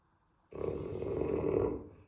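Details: Real recording of loud snoring: one loud, rough, rumbling snore lasting about one and a half seconds in a quiet room.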